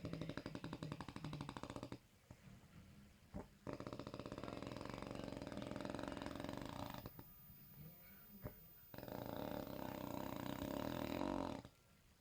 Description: Passed out after too many beers, makes a snore into an animal awkward sound!